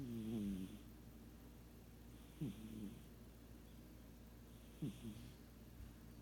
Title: Sugar Cat Snoring